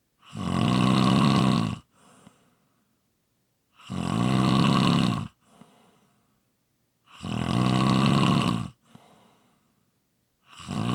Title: Snoring Sounds ZZzzz